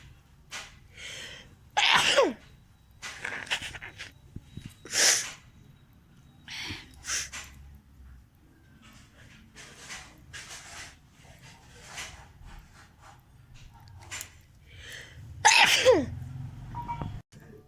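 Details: Sneezing challenge: several sharp, explosive sneezes with quieter sniffing and breathy noises between them; ordinary sneezing.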